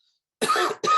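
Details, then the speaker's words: Autistic adult panelist recovering from COVID-19, warning of more coughing than usual; after near silence, a short harsh cough followed by a second brief burst. "मैं आज एक मेंढक जैसा हूं क्योंकि मैं कोविद से ठीक हो रहा हूं इसलिए आपको मुझसे सामान्य से अधिक खांसी औ"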